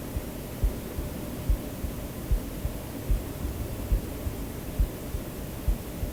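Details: Real heartbeat, self-recorded and mixed into a white-noise sleep-aid track: soft low thumps, roughly 70 a minute, beneath a steady hiss; normal heartbeat.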